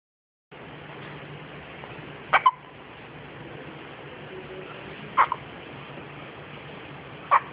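Three brief sharp gulping catches over steady background hiss, irregularly spaced, about 20 a minute; hiccups.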